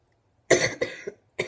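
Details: Adult sick for over a week, very tired: a short burst of two or three harsh coughs with a brief follow-up cough.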